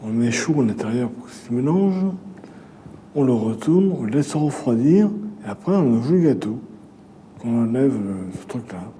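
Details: Aphasia in an adult male with a brain lesion: word-finding difficulty, substitutes one word for another, problems with sentence construction and intermittent pronunciation difficulties, heard during a picture-naming task.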